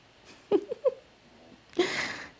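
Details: A sleeping male puppy gives a few soft nasal snorts, then a longer rough, breathy exhale: light snoring in a quiet room.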